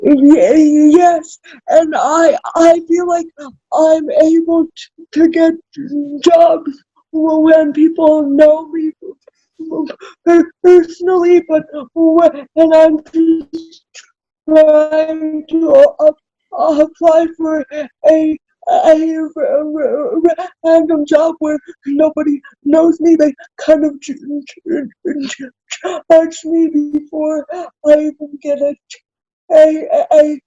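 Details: Adult woman with cerebral palsy, self-described as spastic, in real conversation; dysarthria (cerebral palsy).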